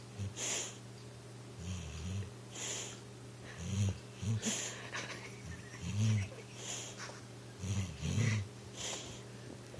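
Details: Pitbull dreaming on a couch, shaking as if trying to run: low, rumbling snores at irregular intervals with soft huffs and snuffles over a steady background hum.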